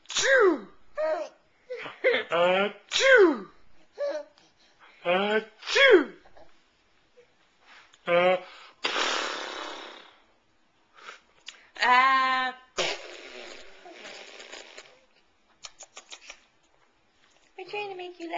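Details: Several sharp sneezes from a young child amid playful voice sounds and giggles in a small room, recorded on a Flip Video camcorder; repeated sneezing.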